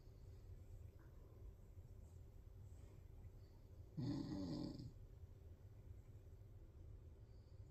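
Over steady low room hum, one rough, rattling breath lasting about a second, a snore from a sleeping cat.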